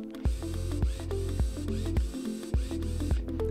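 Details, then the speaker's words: Motor running in a repeating forward-and-reverse cycle with regular clunks about 105 a minute: a De Soutter orthodrive large-bone handpiece in tapping mode, both triggers pressed, two turns forward and one reverse, for driving screws into brittle bone. "get a tapping function which makes the tool run two turns in the forward motion and one turn in the reverse motion this is ideal for putting screws in to bristle bone"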